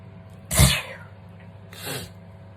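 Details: Two explosive sneezes during a skincare routine, the first loud and forceful, the second softer, over steady low room hum; sneezing.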